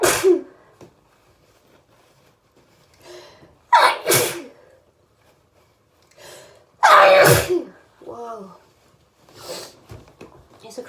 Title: Crazy hayfever sneezes that kept coming!